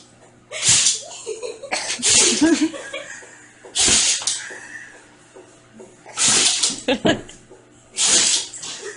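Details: Dog's sneeze attack: five sharp, explosive bursts of air at short, irregular intervals; a run of sneezes.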